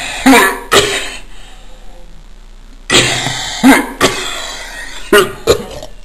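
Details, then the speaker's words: Recently developed bad cough, described as coughing their lungs out. "yeah right just coughing my lungs out here so I just try some lemon juice to get rid of that cough"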